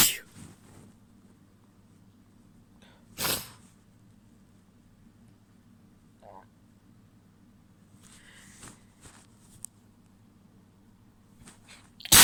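Several sharp sneeze bursts, one loud and wet, others muffled and stifled, with quiet sniffs between; ordinary sneezing.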